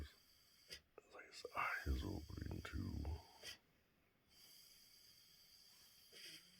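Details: A single rough, rattling, grumbling breath noise of about a second and a half from a dog in a quiet room: snoring-like noise.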